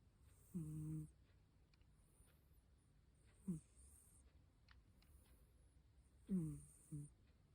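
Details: Snoring: brief irregular snorting snores with a slight whistle, separated by quiet breathing.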